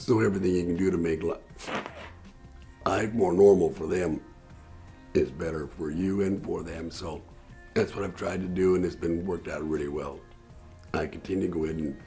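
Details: Tracheoesophageal speech from an adult man whose voice box was removed in 2009 for throat cancer; he speaks with a voice prosthesis.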